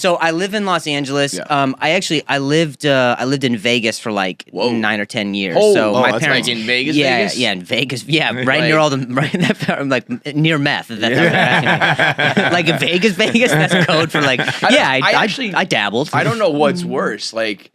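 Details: Adult man who developed a stutter at age 20 after a softball to the throat and a fall causing a major concussion and a minor vocal contusion, later found by a neurologist to be neurogenic; neurogenic stuttering.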